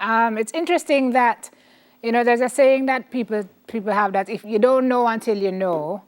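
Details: Adult woman speaking; Ordinary speech.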